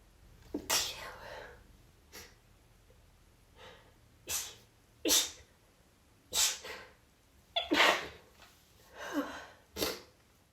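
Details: About seven small, quiet, rapid sneezes in a row with short breaths between, from a female; repeated sneezing.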